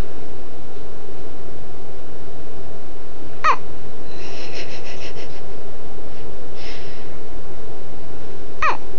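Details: Boy: two sudden, sharp hiccups about five seconds apart over loud, distorted background noise; hiccups.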